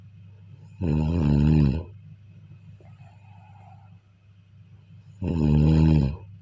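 Two loud, low, rattling snores on inspiration about four seconds apart, with quiet between; ordinary snoring.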